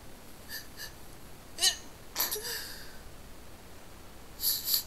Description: some sniffly sneeze, a couple of stiffled and a noseblow at the end, enjoy!